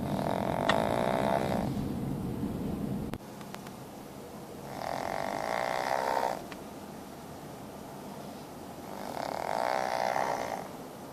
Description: 9-month male fawn pug in the car, snoring.